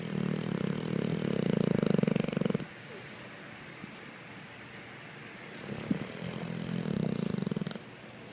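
Two long, low, buzzing snores with a quiet pause and a small snort between them; snoring during sleep.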